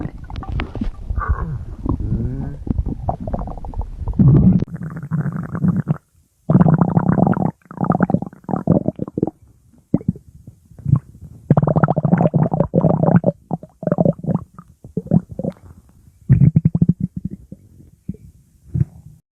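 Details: Low gurgling and rumbling stomach growling (borborygmi) in bursts with brief quiet gaps, typical of ordinary bowel sounds.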